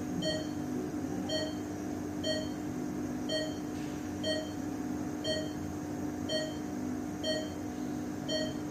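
Steady electronic beeps about once a second over a constant hum and room noise; an ICU patient monitor sound effect.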